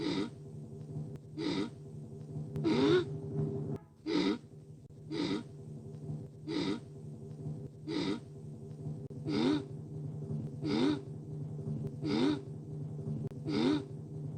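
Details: Dolores's endlessly building sneeze, a proof of concept: repeated sharp gasping breaths, about 43 a minute, building like a sneeze that never comes.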